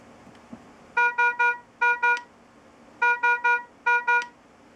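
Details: Philips IntelliVue MP70 bedside patient monitor alarm: loud repeating groups of bright electronic tones, three then two.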